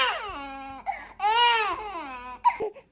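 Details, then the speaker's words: Infant daughter's tired cry (Dunstan 'owh' sound), with big open mouth: two drawn-out open-vowel 'ow'-like wails, falling then rising pitch, then a brief whimper; signals time to sleep. "Babies make this sound when they're really tired and it's time to go to sleep. I'm tired."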